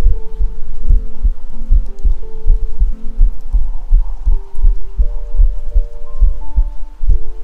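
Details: Self-recorded ASMR heartbeat captured with a 3Dio binaural microphone: steady, regular lub-dub at about 75 beats a minute with soft music-like tones behind; normal heart sounds.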